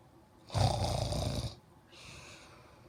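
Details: Loud snoring: one loud, rough, rumbling inward snore, then a softer breathy exhale.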